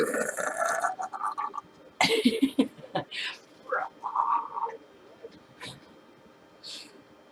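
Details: Woman deliberately burping for fun, weak burps running out of steam: several short, soft, voiced belches with quiet gaps between them.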